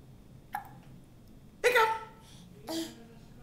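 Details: Young child with hiccups after dinner (broccoli, pasta, sausage), recorded November 2010 on a Flip Video camcorder: three abrupt, short voiced catches about a second apart in a quiet room.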